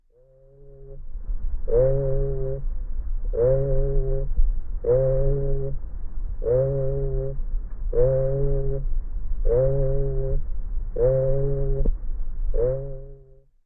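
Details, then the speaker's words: Egophony recorded through the chest during auscultation: the patient's spoken 'E' takes on a nasal, bleating 'A' quality, a sign of lung consolidation. "This is your egoony. I'll come to the explanation."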